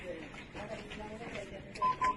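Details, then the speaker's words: Two short, steady electronic beeps from a LIFEPAK 20e defibrillator after automatic energy selection and charging, prompting the user, with faint room talk; defibrillator charge/prompt tone. "it will select the energy automatically and it will charge then it will ask you to"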